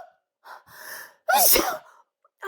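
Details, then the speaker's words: Person whose nose was bothering them all day finally sneezes after cologne is sprayed in front of them: a short gasping intake, then one loud explosive sneeze in a quiet room. "Yeah, this this cologne is good only for sneezing. Oh yeah, this will finally do. I feel it."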